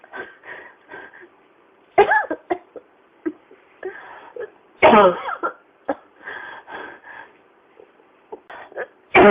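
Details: Persistent, unstoppable adult coughing: three harsh bursts with softer throaty sounds and breaths in between.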